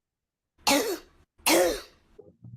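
Two harsh, barking coughs with a tight, metallic ring, typical of croup in a child.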